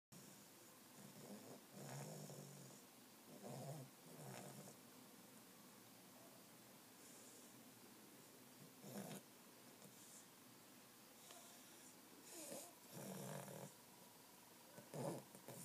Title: snoring 9/23/13